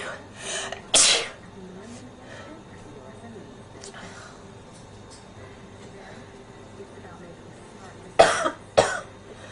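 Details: Several sharp, hissing sneezes, the last two close together, with faint talk in the background, from a person sick with a cold and phlegm.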